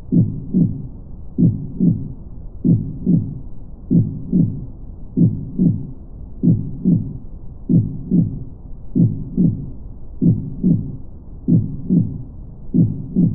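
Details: Steady, muffled whooshing fetal heartbeat from an ultrasound Doppler, layered over constant low brown noise.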